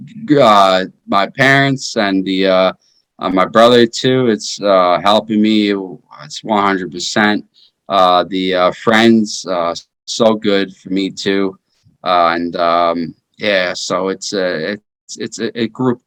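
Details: Aphasia in a 33-year-old man after a stroke in 2019 during his second open heart surgery; initially unable to speak, he has progressed from single words to 3–5 words and paragraphs; his right hand remains paralyzed.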